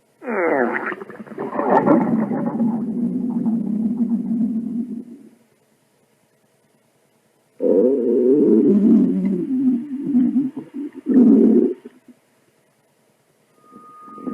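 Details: Stomach growl sound effect from a compilation: loud, long gurgling growls with bubbling pitch changes, two main bursts separated by silence; hunger rumbling of the stomach and bowel.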